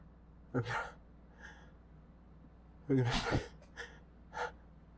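Two sneeze-like bursts, each with a sharp indrawn breath before it, plus softer breathy sounds; repeated induced sneezing in a quiet room.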